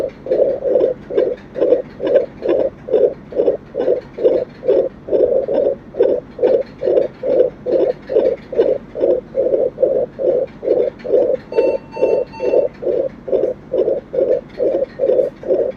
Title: fetal droppler # baby heart sound #mother womb#motherhood#nicu team🤰